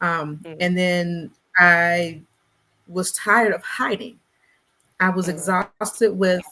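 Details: Stuttering in an adult Black woman who describes herself as a person who stutters; conversational interview speech with word repetitions.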